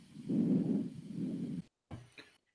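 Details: Systolic murmur (mitral regurgitation).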